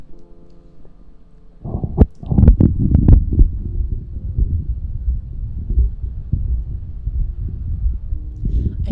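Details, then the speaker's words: Stomach growling (borborygmi): low, muffled gurgling and rumbling with a few sharp bubbly pops over faint background music, recorded on a 3Dio binaural mic; the speaker reports tummy issues and hunger. "Oh, what I should have said was I get hungry. I don't get a chance to eat very much. So you'll hear my tummy growl quite often."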